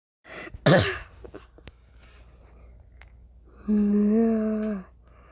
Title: Numberblocks Sneeze | Round 26